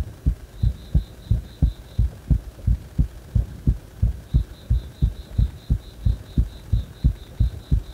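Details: Heart that stays fast even after release from compression: strong, regular low thumps at about 88 a minute with faint intermittent beeping; rapid heartbeat.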